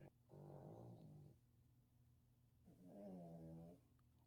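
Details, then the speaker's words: Sleeping pet dogs lying beside a speaker during a recorded show: background snoring noticed mid-conversation. Dog snoring. "i've got elliot on one side of me i've got primrose on the other side they're snoring and pearl's underneath the desk scared"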